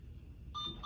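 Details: Short electronic beep after quiet room noise as a student programs an IV infusion pump's secondary channel for a 1-hour medication infusion at 100 mL per hour, confirming a keypress.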